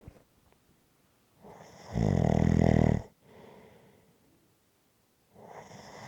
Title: Snoring Sounds to Relax to after a hard day.